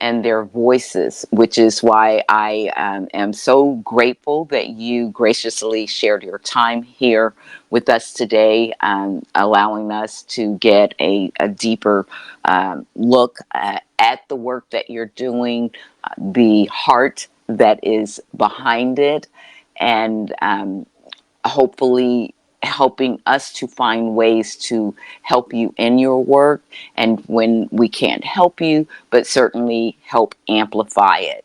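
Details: Adult speaker; typical speech.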